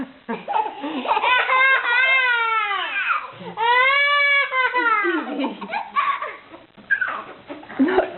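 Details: Infant with hiccups: long, loud, wailing cry with rising and falling pitch, in a small room; infant crying.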